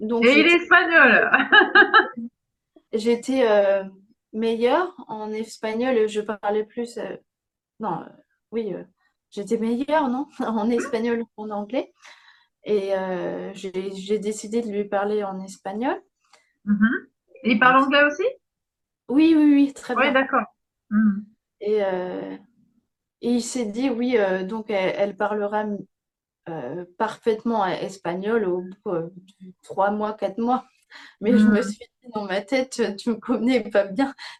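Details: Young woman with aphasia after a stroke at age 22 that severely affected speech and grammar, with ongoing word-finding difficulty; aphasia after stroke.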